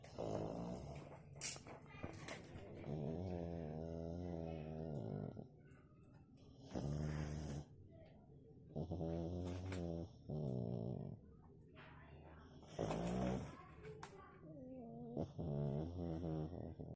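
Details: Pug in deep sleep, apparently having bad dreams: irregular snorting, buzzing snores about 10 a minute with rattly breath noise between; snoring.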